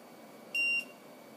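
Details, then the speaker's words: One short, faint high beep over quiet room noise: an LTV 1200 portable transport ventilator alarm muffled by tape placed over its speaker, demonstrating how a covered speaker makes alarms hard to hear. "so you need to know where the speaker is in case it gets muted and you can't hear somebody may have put some tape or gauze over it that has happened in a facility have worked"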